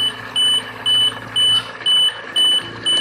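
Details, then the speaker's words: An oxygen concentrator measured at only 51-52% oxygen purity, after a patient complained about its flow; steady high-pitched alarm beeps, about 120 a minute, over a low hum, signalling low purity. "So mababa yung purity ng ating concentrator. So t saka nag-a-alarm siya."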